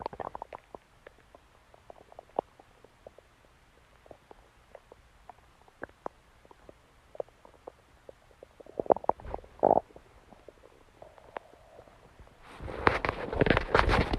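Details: Scattered soft clicks and gurgles build to louder watery gurgling and a sustained rumble; stomach growling, bowel sounds (borborygmi).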